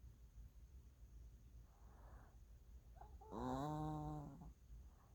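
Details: Puppy in deep sleep snoring: a softer breath, then one loud, rough, buzzing snore over quiet room noise.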